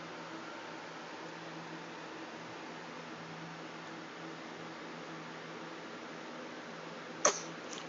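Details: After several seconds of quiet room hum, a cat gives two quick sneezes in a row: a double sneeze.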